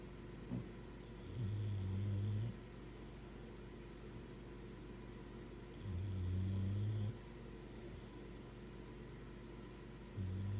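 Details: Two bulldogs snoring: low rumbling snores recurring slowly, about one every four to five seconds, over steady room noise.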